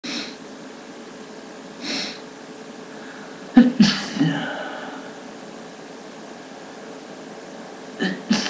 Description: Today I'm allergy and I'm sneezing a lot of times..